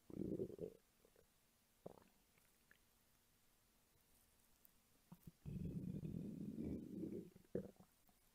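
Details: Two bursts of low gurgling belly rumble with quiet gaps from an adult woman; hunger-related stomach rumbling.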